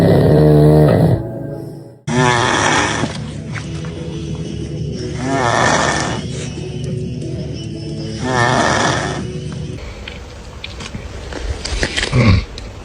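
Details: Adult sleeper with loud rumbling snores on several breaths in, music playing over them: ordinary snoring.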